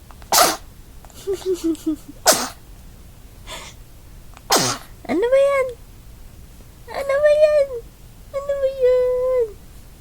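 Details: Three sharp, explosive sneezes with short in-breaths before them, followed by high, vocal sounds, possibly laughter or a pet's noises.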